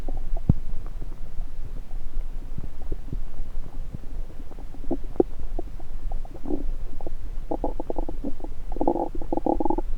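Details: Low gurgles, clicks and bubbling rumbles over stethoscope rustle: normal active bowel sounds, stethoscope placed on multiple sites around the recorder's own abdomen.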